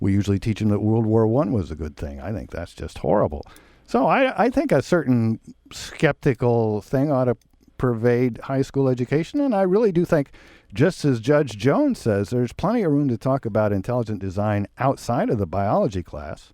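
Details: Adult male speaker; Typical speech.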